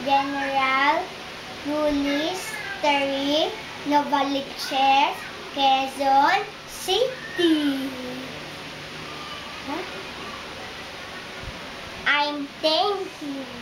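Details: 5-year-old girl speaking 2 years and 6 months after receiving a cochlear implant; speech of a child with a cochlear implant.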